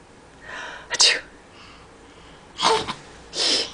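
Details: Sneezes, at least some possibly fake on request: three sharp, breathy sneezes with brief quiet between them; sneezing.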